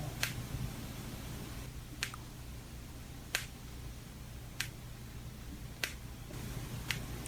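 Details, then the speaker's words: Recording of a real patient's knee: six sharp, separate "딱딱" clicks over about seven seconds against a low hum, knee joint clicking, played for contrast before the grinding of a meniscal cartilage tear. "요거 이제 뭔가 딱딱딱딱 예. 그런 느낌이 드네요."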